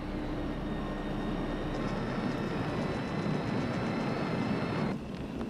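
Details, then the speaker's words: Electrical activity of a normal human brain, recorded with implanted microelectrodes and played as sound: a steady, dense, low rumble with a faint drone, likened to the distant roar of a four-engine airplane. "Ese sonido que oímos ahora procede de un cerebro normal. De alguna manera, es comparable al estruendo lejano de un avión de 4 motores."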